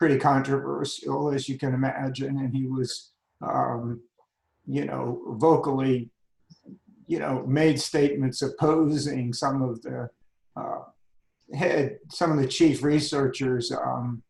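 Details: Adult man with spasmodic dysphonia that began at age 51, managed without Botox; spasmodic dysphonia.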